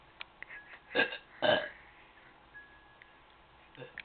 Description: This is my sister burping. This is effing HILARIOUS!!!